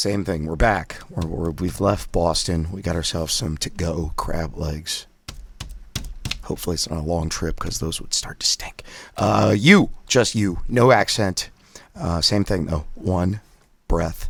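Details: Adult man with spasmodic dysphonia doing voice exercises with a Forbrain device; he says his voice is rough on his first day back after a break and reports past surgery to remove a vocal cord polyp; spasmodic dysphonia.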